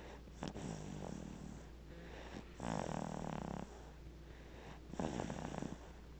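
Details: Light snoring in a sleeping baby, recorded with a Flip Video camcorder: soft, rough snorting snores with each breath, about two to three in six seconds, over steady room hum.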